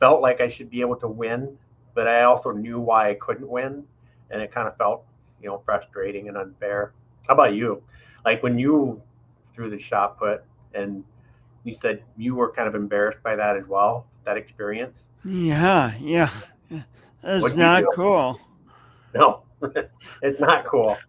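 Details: Adult men in conversation; typical speech.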